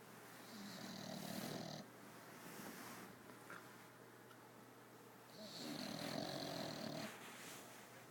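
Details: Female bulldog asleep on a new bean bag bed: two rattling, fluttering snores on the in-breaths, separated by a quiet pause; snoring.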